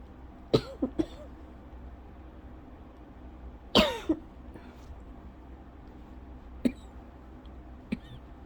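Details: Lingering cough more than a month after illness with a persistent scratchy throat and fits up to 30+ minutes about 8 times daily; about six short, dry coughs and throat-clearing bursts in a milder fit that did not trigger asthma cough.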